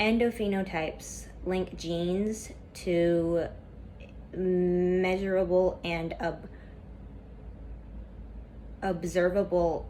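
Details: Female student who stutters reading a class PowerPoint presentation aloud, with a lot of tension at first that eases as the reading goes on; stuttering.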